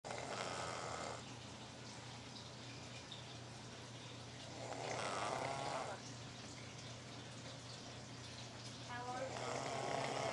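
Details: Snoring while asleep on a brand-new treadmill.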